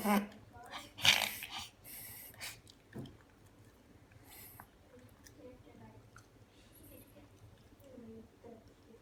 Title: My dogs reverse sneezing - full on!